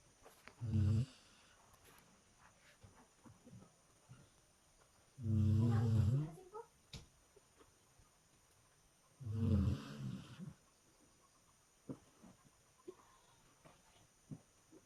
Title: HOW DOG SNORES+FUNNY CAT| incipido channel